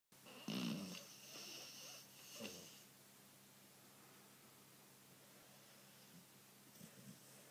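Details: Sleeping spaniel snorting and snoring: soft, raspy snorting breaths, then quieter breathing against room hum; snoring.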